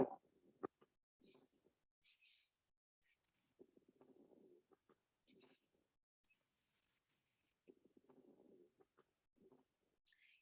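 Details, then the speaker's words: Lung sound library recording of crackles: breath sounds with fine crackling pops during each breath, typically heard at the lung bases. Finer crackles suggest more fluid. "so if you hear these crackles uh be concerned your flute your your most likely hear the hear these sounds at the bases especially if you hear them fine"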